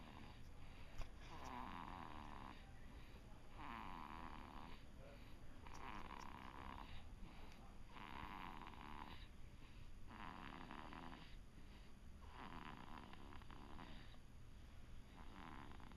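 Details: Silas snoring in sleep: regular rasping snores on each in-breath, about every two seconds, roughly 30 breaths a minute.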